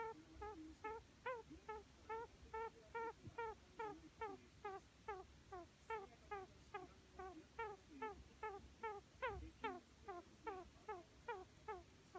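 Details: Budgerigar under treatment for an abnormal breathing noise heard from time to time: regular squeaky, whistling clicks with every breath at about 140 a minute.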